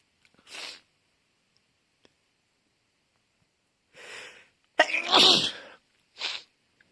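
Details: Sneezing fit: breathy build-ups, then one forceful voiced sneeze and a softer follow-up, in a quiet room.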